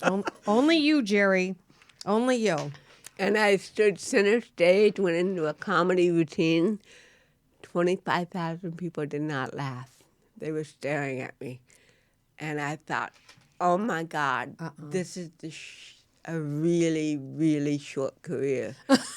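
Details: Adult woman with cerebral palsy since birth, diagnosed at 18 months; real, unacted speech in a studio interview; dysarthria (cerebral palsy).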